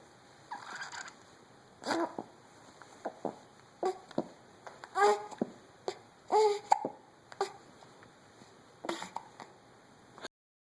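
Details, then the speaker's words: Hiccups, apparently in a cat: brief, sharp, jerky sounds, some with a faint squeak, repeating irregularly in a quiet small room, possibly while pooping. "Are you pooping? And you have the hiccups?"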